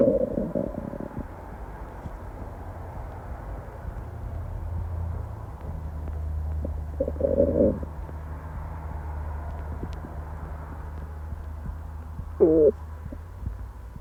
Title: Constant stomach growls while at work